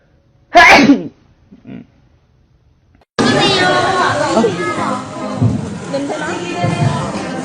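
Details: One sharp, loud sneeze with a quick inhaled build-up from a K-pop idol, then quiet, followed by chatter and music; sneeze.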